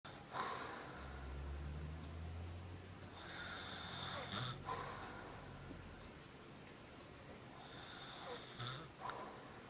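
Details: Stepfather asleep, snoring, though he denies he snores: low, rumbling snores with snorting, irregular breaths, heard quietly in a room; snoring.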